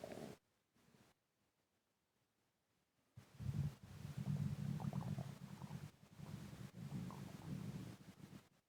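Quiet start, then low rumbling and bubbling gurgles with some breathing noise; ordinary stomach gurgling.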